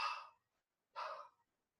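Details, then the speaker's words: Vocal imitation of the early diastolic murmur of aortic regurgitation: two soft, breathy, fading blowing sounds. It is heard from the aortic area to the mid sternal edge, patient sitting up, leaning forward, breath held in expiration. "Aortic regurgitation in the sash area. Aortic area to mid-sternal edge."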